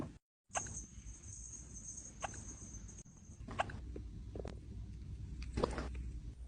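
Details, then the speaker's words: Kitten with hiccups: small, sharp hiccup sounds, about four in six seconds, over quiet room noise. "Do you have the hiccups? Oh no, are you gonna be okay?"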